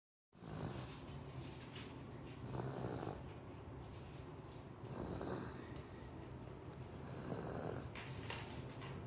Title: Snoring in her jumparoo